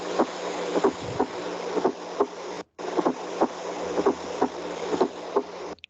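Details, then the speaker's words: A recorded teaching heart sound from an app: regular heartbeat near 60 a minute with a soft extra sound just before each first heart sound. This is a fourth heart sound (S4), usually pathological but sometimes normal in older adults. "Ahorita el primer ruido que escuchan en la aplicación es el S4."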